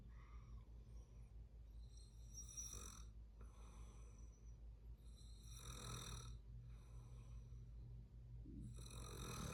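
Low rumbling snores with breathy noise on each breath, over a steady low background hum.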